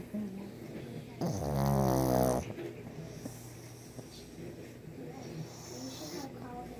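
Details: A loud, rattling snore, then quieter snuffly breathing in a small room, from a sleeping 1½-year-old brindle pug.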